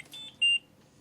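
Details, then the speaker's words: Ventilator high pressure alarm in a child with a tracheostomy, which may signal a plugged trach tube: short high-pitched electronic beeps. "if your child is on a ventilator a high pressure alarm may sound"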